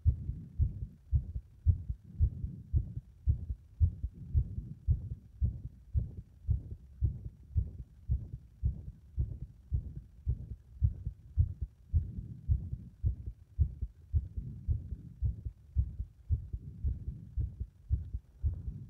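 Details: Heart that becomes unstable under compression: fast low heart thumps, about 110 a minute, with uneven spacing and changing strength; an irregular rhythm.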